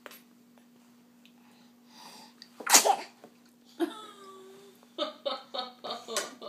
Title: a noodle & a sneeze...